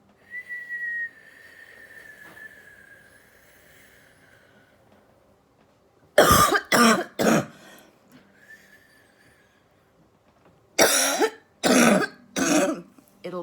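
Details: Productive cough during pursed-lip breathing, in the context of COVID-19 lung congestion.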